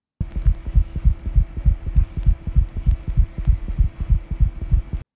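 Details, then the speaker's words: Cat heart auscultation: rapid, regular low heart thumps near 200 a minute with a gallop rhythm, given as a clue that should prompt further investigation. "In addition, the vet might also hear something called a gallop rhythm, which sounds like this."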